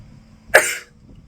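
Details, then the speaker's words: A single short, forceful cough from a young woman born in 2003, a second-year medical student, who has been coughing a lot during a respiratory infection now in its fourth week. "It's been a good while while since I filmed because I've been sick if you can hear. Um I've been coughing a lot. I have a respiratory infection."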